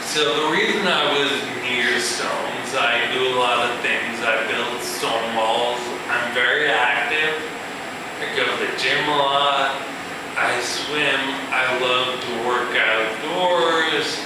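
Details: Man with ataxia, a progressive neurological disorder with cerebellar cell death affecting balance and speech, who says his speech has improved, giving a live talk; ataxic dysarthria.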